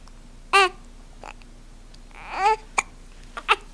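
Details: 2-month-old baby girl, happy and vocalizing, with several short abrupt hiccup catches and small vocal sounds between them in a quiet room; infant hiccups.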